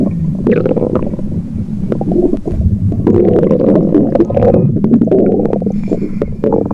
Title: Stomach Growl